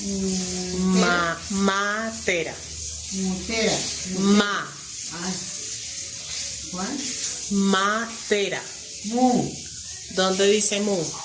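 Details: Broca's aphasia after a stroke in an older woman.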